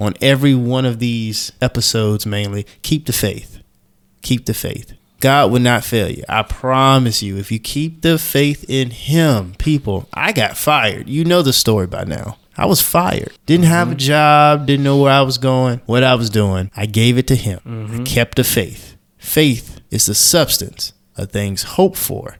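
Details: Adult male speaker; normal speech.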